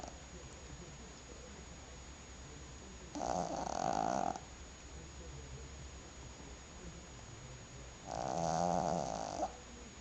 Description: Little Maltese is snoring like an old man!